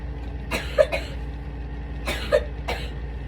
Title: Cough night (01.07.25)